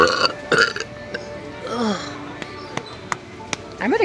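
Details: A drawn-out, rumbling belch with voice-like pitch sweeps, then short clicks and room noise, from a girl in a store snack aisle who says her stomach is bloated; ordinary burping.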